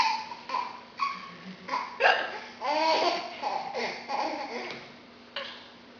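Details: Simulated (fake) hiccups by a woman, with a child laughing: repeated short, abrupt voiced catches about every half to one second mixed with giggly laughter; hiccups.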